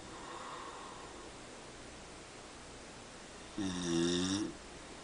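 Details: Quiet breathing, then one loud, rough, vibrating snore on the in-breath in a quiet room from a father asleep at night; snoring.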